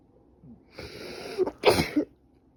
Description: I sneezed badly for about three days, but I'm getting better.